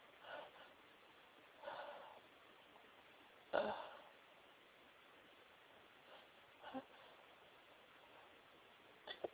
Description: Stifled some sneezes for a special someone x Hope you enjoy x